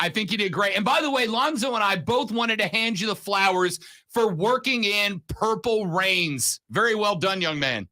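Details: Adult male speaker; normal voice.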